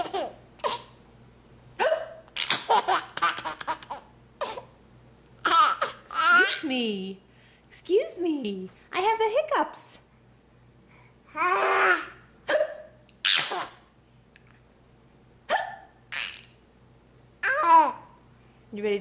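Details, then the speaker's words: Adult's repeated abrupt hiccups while a young child laughs loudly and babbles; the adult says they just have the hiccups and doesn't know why that's so funny. "i just have the hicups i don't know why that's so funny"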